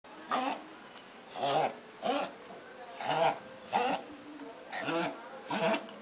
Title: perro salchicha tosiendo